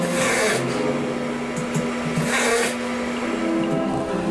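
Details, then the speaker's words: Sleeper with simple snoring: rasping snores recur with each breath and no pauses, showing continuous breathing, unlike another sleeper whose snoring stopped during sleep apnea. "제일 첫 번째 나왔던 그분은 계속 코를 골죠. 그분은 계속 숨을 쉬고 있는 거예요."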